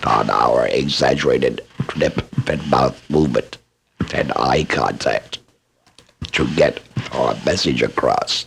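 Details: Esophageal speech by a laryngectomee who is also a speech pathologist, demonstrating esophageal voice production for training after laryngectomy.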